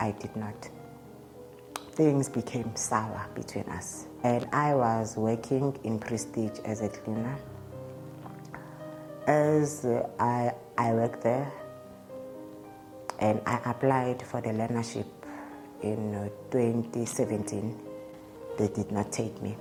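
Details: Adult man's real interview speech; he states he stutters, present since at least grade five (2005), when it caused low self-esteem; he also reports an unspecified positive test and initially delaying medication; stuttering.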